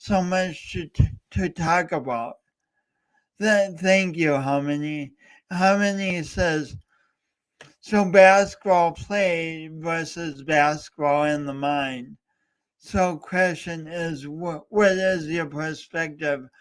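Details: Real speech impediment with disfluency in a male speaker coached for years by a speech coach, heard during a three-hour live talk-a-thon he set as a challenge for his own voice.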